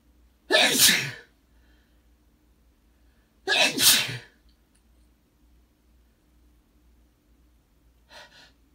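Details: Morning sneezes in an adult male: two loud, wet, explosive sneezes about three seconds apart, then a faint breath in a quiet room.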